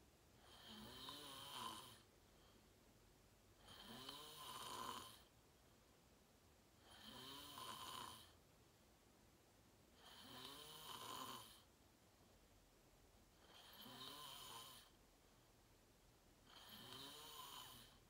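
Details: Self-recorded adult sleeping, fell asleep fast around 8:45, self-described deep REM sleep (sleep apnea only hashtagged): regular loud rattling inspiratory snores about 19 a minute, quiet pauses between; steady snoring.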